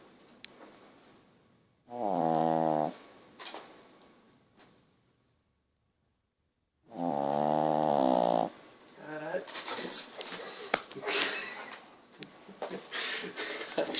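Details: A dog gives two loud, buzzing snores about five seconds apart, followed by rustling noise: very loud dog snoring.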